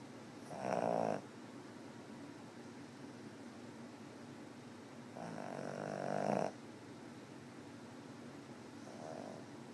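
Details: Cat snoring in sleep: soft nasal snores, two clear breaths and a fainter third over ten seconds; gentle, regular snoring.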